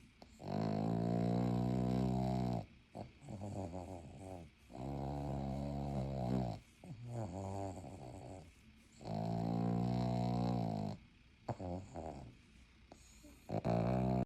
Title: Snoring like a buzz saw part 2